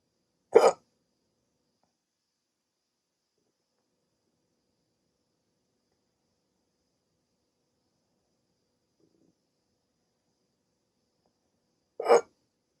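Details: Adult with sleep apnea treated with CPAP, hiccups on waking after sleeping with the CPAP mask, part of a 16-minute hiccup attack: two sharp, abrupt hiccups about eleven seconds apart in a quiet room.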